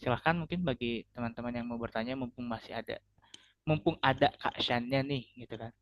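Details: Adult; typical speech.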